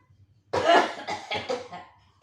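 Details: One forceful cough, then a few shorter, wet throat-clearing bursts: a productive cough from an elderly woman during a nurse-led effective cough exercise after breathing in 4 seconds, holding 2 seconds and exhaling.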